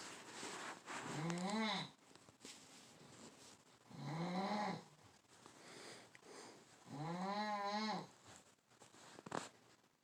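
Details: Carebear snoring: three rhythmic, vibrating snores rising and falling with each breath in a quiet room, about 20 breaths a minute; ordinary snoring.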